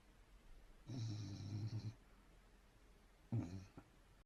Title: Gsd pup snoring!